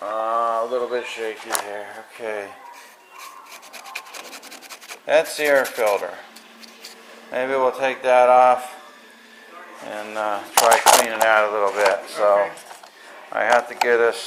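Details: Adult male speaker; typical adult speech.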